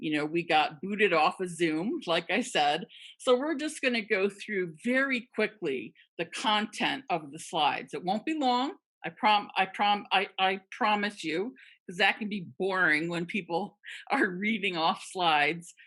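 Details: Real stuttering in a woman who stutters, speaking with sound and part-word repetitions; finding: stuttering.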